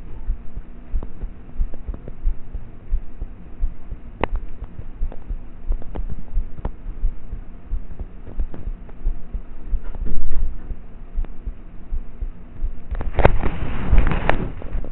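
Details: Normal heart sounds of a roughly 13-year-old, self-recorded at night in bed with a cheap mp3 player microphone: faint, muffled low thumps under a steady hum and rustling, poor quality, no clear added sounds.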